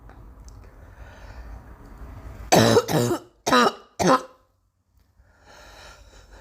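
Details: A run of four harsh coughs in quick succession, then quiet breathing, from a girl; a plain cough.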